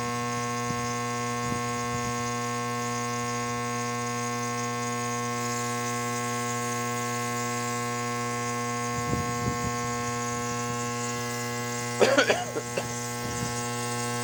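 Steady electric motor hum throughout, with a few faint handling sounds; a nebulizer running during a breathing treatment.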